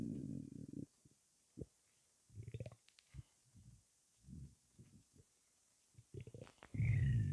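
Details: After 23 hours without food: irregular low gurgles, growls and rumbling bursts from an empty stomach; normal hunger-related bowel sounds (borborygmi).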